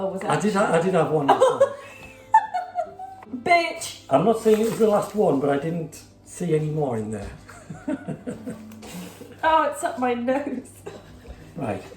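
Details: Young woman with Tourette syndrome whose involuntary vocal tics interrupt her speech; Tourette syndrome (vocal tics).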